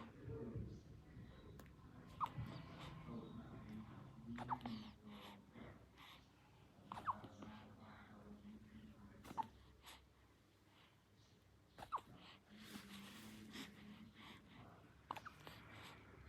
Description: Baby huiccup after drink milk.